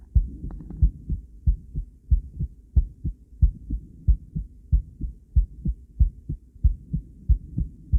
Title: Female heart, ultrasound view, heartbeat sound